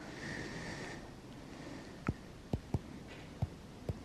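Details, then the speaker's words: Third heart sound (S3 gallop) from rapid filling of an abnormal ventricle, as in heart failure, likened to 'Ken-tuck-y': soft, low-pitched heart thumps with an extra third sound. "the third heart sound is caused by rapid filling of an abnormal ventricle such as in heart failure and can be simulated by the word Kentucky"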